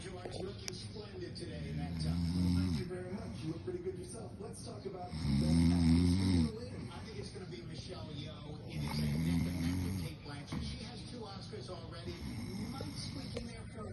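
Slow, loud rumbling snores on each in-breath, about four in fourteen seconds, with quieter breathing between: ordinary snoring.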